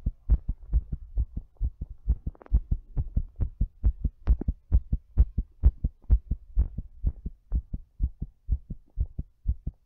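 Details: Strong, fast, thumping heartbeat at about 130 beats a minute, somewhat uneven in loudness, during breathplay; rapid heart rate.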